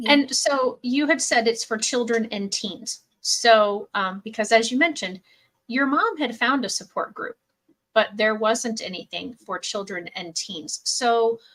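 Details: Adult woman; normal speech.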